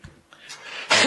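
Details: An adult man, coughing while giving a speech about oil prices and regional budget deficits: soft throat sounds and a breath lead into one loud, harsh burst of cough.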